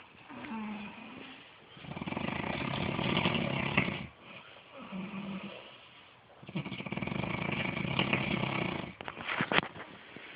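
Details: Loud snoring from a father or his son, unclear which: rattling snores on the in-breath, quieter out-breaths, about two cycles over ten seconds.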